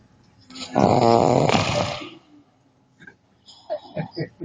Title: how africans snore with swagg!!! must watch